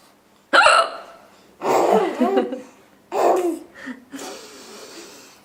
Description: After bathtime the other day, 4 month old daughter has discovered the funniest thing in the world: Mommy with the hiccups.